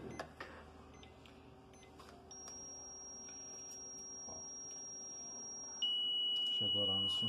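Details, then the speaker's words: Zoll M Series defibrillator charging in synchronized cardioversion mode during calibration with an analyzer, both paddle buttons held until energy is delivered: steady high-pitched charging tone, then a higher continuous shock-ready tone, quiet room noise. "E mantenha seguro até que ele entregue a energia para o aqui cheque"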